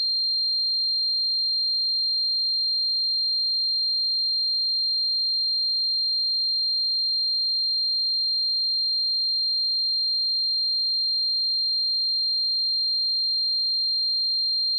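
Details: Simulated tinnitus: a steady, unbroken high-pitched continuous tone.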